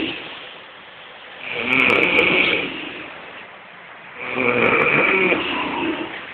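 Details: Adult snoring, two long harsh rasping snores about three seconds apart, each on an in-breath, recorded in Kochi, Kerala, India (koorkkam vali).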